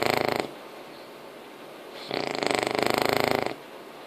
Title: Bulldog ingles filhote 5 meses roncando/English Bulldog Puppy snoring 5 months